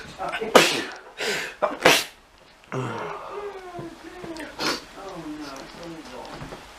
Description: hachew I hate those plants